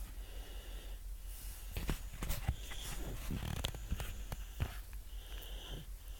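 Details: A 13-month-old toddler asleep has quiet, rough snoring breaths with a faint whistly edge.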